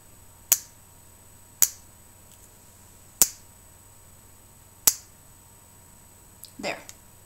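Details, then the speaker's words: Four sharp, evenly spaced clicks from a fertility injection pen counting down the end of a 300 dose, then a softer rustle, during a 39-year-old woman's IVF self-injection; injection pen click. "and now I'm going to put the 300 in you might be able to hear it pop and that's the cap letting me know what's going in each little injection there we go and it's almost"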